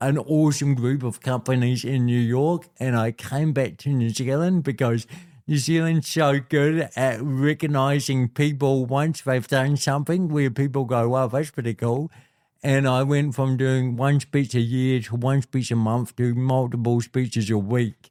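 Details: Adult man with cerebral palsy since birth, a physical disability affecting how messages travel around his body, who was told his biggest challenges would be walking and talking; speaks with dysarthria (cerebral palsy).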